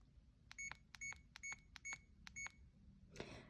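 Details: Five short high beeps from a CADD infusion pump keypad as it is programmed in PCA mode for midazolam or morphine, during a training tutorial in a quiet room.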